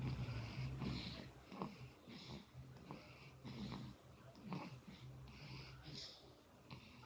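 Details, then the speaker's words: Baby snoring while drinking milk from a bottle that stays in its mouth; soft, rhythmic snorting breaths about 80 a minute with faint sucking noises. Snoring. "ngoroknya udah kayak bapaknya. Oh bubu ya Dik, bubu ngorok."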